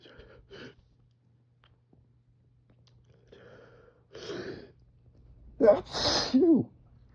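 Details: Person with seasonal spring pollen allergy, nose flared up, reading aloud beside an open window in the morning: quiet catching breaths build to a forceful voiced sneeze; allergic sneezing.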